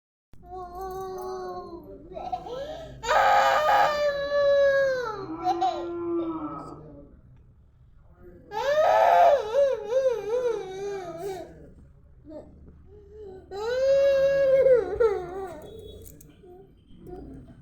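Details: A young child wails loudly in bursts separated by breaths and quieter whimpers, crying to be allowed to watch a mobile phone.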